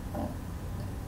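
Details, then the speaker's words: An adult imitates the inspiratory noise of children with croup (laryngitis, for example from parainfluenza virus), a brief, harsh, grunting intake of breath: imitated inspiratory stridor. "후두염의 특징 중에 하나는 아이들이 숨을 쉴 때, 숨을 들이마실 때 이런 소리가 나요."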